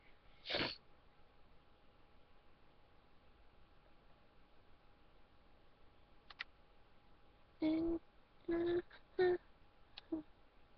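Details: Person deliberately trying to hold back sneezing in a quiet room: short stifled sneezes, then several in quick succession near the end as a sneezing fit breaks through; suppressed sneezing.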